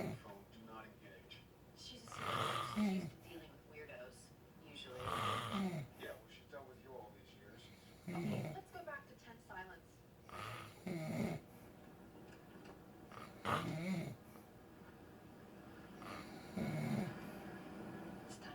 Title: Sleeping Boyfriend Part 4 - Funky Snore